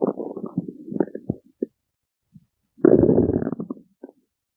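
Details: Stomach growling: two bouts of bubbling, gurgling rumbles with short squeaky pulses, separated by a brief quiet gap; ordinary bowel sounds (borborygmi).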